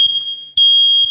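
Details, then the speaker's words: Homemade low-cost ventilator whose smoke-alarm-based alarm sounds when pressure is lost: loud, piercing high-pitched alarm tone with a brief break, warning of lost pressure or a disconnected hose. "So when there's no pressure, the alarm alarms, because this would always be depressed, the test button."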